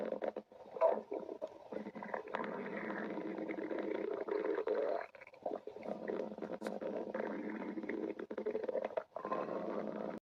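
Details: Long, gurgling rumbles with watery bubbling, broken by brief pauses: ordinary stomach growling (borborygmi) from gut movement.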